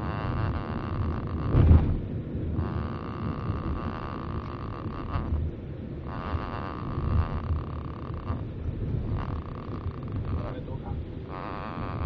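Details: Two-week-old baby boy snoring: soft, rumbling, noisy breathing recurring in regular cycles like light snoring.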